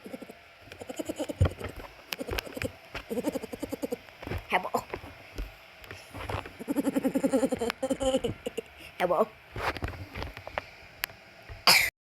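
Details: Voiced sounds and room noise ending in a single short, sharp cough from a speaker who says they have to clear their throat every few seconds; cough.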